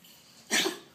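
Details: Young dog with a heart problem and wet breathing; the trachea is possibly involved: a single short, harsh cough burst.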